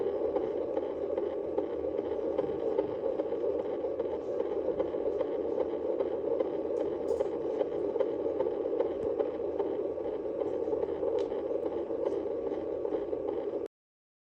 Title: Fetal heart sound on 39 week of gestation ❤️ #medicohealth #healthinformation #youtubeshorts #FHS